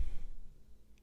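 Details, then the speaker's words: Adult's stomach rumbling (borborygmi) while talking: a brief, low, muffled rumble fading over about a second in a quiet room. "batch 189 hope hope you didn't hear that was my stomach rumbling"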